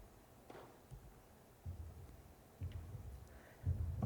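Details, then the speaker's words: Normal heart sounds captured by a handheld digital "super stethoscope" placed on the chest: deep, regular, low-frequency drum-like thumps at about 60 a minute. "heart sounds are very low frequency sounds. Some would describe this as a club sound, like a beat drum."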